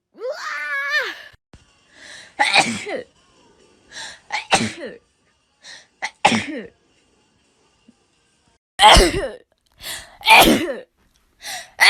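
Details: Person who says they sneeze very often, likely not from allergies, just after waking: a fit of about a dozen sharp, explosive sneezes in quick succession with brief breaths between them; repeated sneezing.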